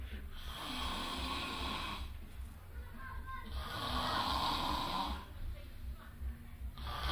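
Loud, rough snores with each breath, about two long snoring breaths in seven seconds; heavy snoring.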